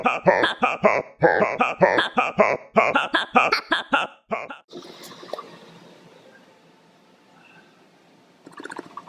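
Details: Grandfather napping and snoring in a funny way: loud, buzzy flapping bursts in quick clusters like lips vibrating on each breath out; snoring with lip flutter, then quieter background noise.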